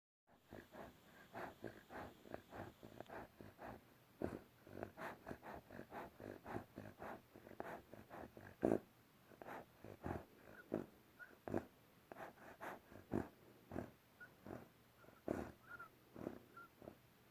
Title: Bear snoring whistling